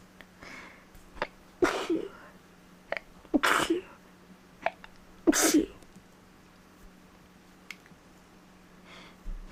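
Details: Allergic sneezing; the person thinks they may be getting sick because the sneezes are coming much more rapidly than normal. Three forceful sneezes in a row with short breaths between; repeated sneezing.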